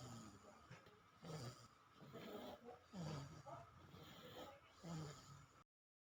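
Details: Sleeping infant snoring; soft, low rattling noises rising and falling with the breath.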